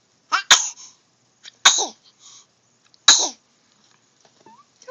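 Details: Three sharp, hissing sneezes in quick succession, each a sudden burst of air through the nose, amid talking.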